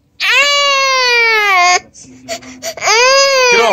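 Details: A 1-year-old baby boy cries with two long, loud, high-pitched wails separated by a short sobbing pause, while a parent talks to him about a Gucci Mane song.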